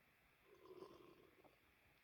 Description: my stomach sounded very weird after my lunch sobi recorded it